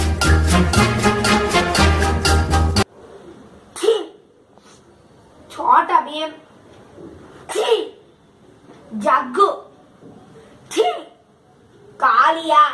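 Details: Compilation of comedic "types of sneezes" vines: after music, about six separate sharp sneeze or sneeze-like bursts with quick intakes between them, possibly acted for humour.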